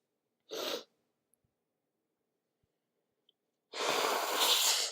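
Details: Morning sneezing in a sniffly person during cooler weather, some sneezes induced with tissue: a short sharp sneeze, then after a pause a longer noisy rushing burst, a second sneeze or nose blowing.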